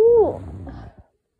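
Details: A single sharp sneeze with a brief voiced onset, then a fading breathy tail; allergic sneezing from pollen with a very itchy, sensitive nose.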